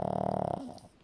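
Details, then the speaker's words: A short rattling snore from Marley, a sleeping 15-year-old Shih Tzu dog, fading away after about half a second. "you can have a longer clip of some snoring ASMR from Marley a 15-year-old Shih Tzu uh"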